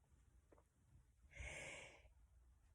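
A single forceful hissing nasal snort or sneeze-like burst of air lasting under a second, against a quiet room.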